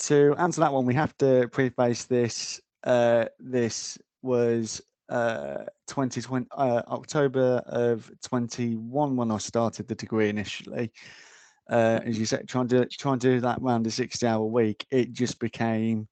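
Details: Adult man, a security officer, with a stammer that he says appears mainly under pressure; stuttering (stammer).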